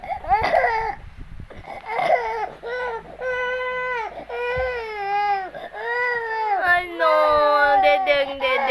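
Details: A very hungry infant's hunger cry: repeated rising-and-falling wails, the insistent rhythmic cry of a hungry baby, while the mother was busy doing laundry.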